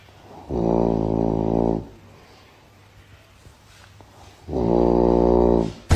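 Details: Two loud, low, buzzing rattles about four seconds apart, each lasting over a second, with quiet room noise between: heavy snoring beside the listener.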